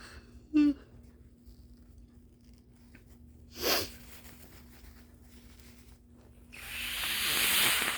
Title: Early-morning congestion, with loud, squeaky nose-blowing and coughing 🤧😫😅😪😴